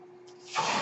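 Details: The speaker's own home mechanical ventilator, heard during podcast speech: a faint steady hum, then a sudden rush of airy hiss as it pushes a breath.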